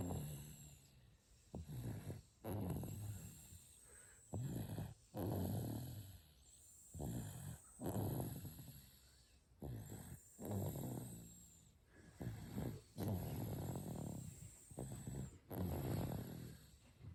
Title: Cute baby snores